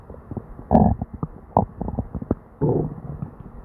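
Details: Person with diarrhea and an upset stomach: frequent gurgling, rumbling abdominal bursts with little pause, loud hyperactive bowel sounds (borborygmi).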